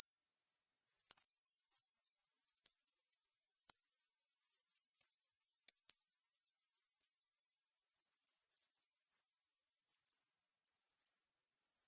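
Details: Online hearing test: a steady pure tone slowly rising in pitch into the very high range; hearing test tone sweep.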